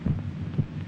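Two dull, low thumps in a lub-dub pattern over a faint steady hum: a single normal heartbeat.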